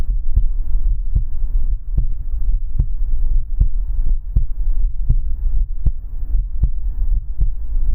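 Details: ASMR relaxation recording of a heartbeat: steady, deep, muffled beats at about 80 per minute over a low hum: normal resting heartbeat.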